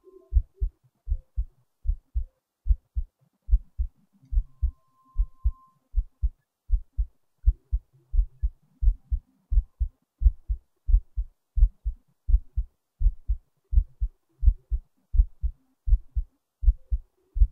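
Clear paired heart sounds, lub-dub, at about 80 beats a minute, regular, with little background noise.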